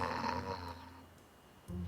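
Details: Adult man recorded snoring in his sleep by his partner, who says he denies it: a low, rattling snore fades out over a second, then after a pause a second snore begins.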